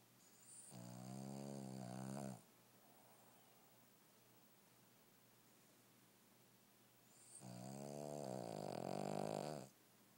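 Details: Dog snoring really loud: two long, loud, rattling snores about five seconds apart, with quiet breathing between; heavy snoring in a sleeping dog.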